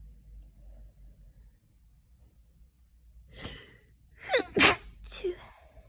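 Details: Person coming down with an autumn cold: quiet room, then a sharp inhaled gasp and one forceful sneeze with a smaller trailing burst; sneezing with a cold.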